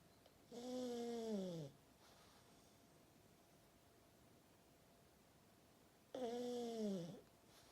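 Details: Pug dog snoring: two whistling, falling snores from a small flat-faced dog, several seconds apart, with quiet breathing between.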